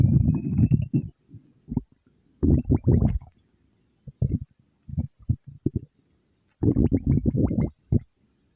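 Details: Stomach growling: low gurgling rumbles in irregular bursts with brief squeaky rises, ordinary borborygmi from gas and fluid moving through the gut.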